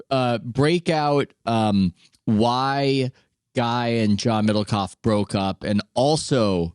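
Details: Adult male speaker; normal voice.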